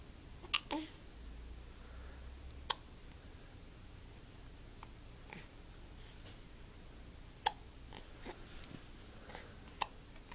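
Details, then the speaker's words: Child ("buddy") with hiccups that started this morning: four sharp, brief hiccup clicks over ten seconds, with faint room noise between; hiccups. "Hey, buddy. Hi. You're cute. Someone's got hiccups."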